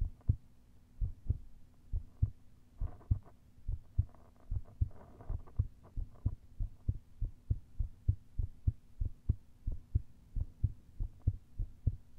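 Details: Heart heard through a stethoscope with a lav mic, a full hour after heavy caffeine intake and intense pushes and pressure: steady, regular low thumps, a normal resting rhythm.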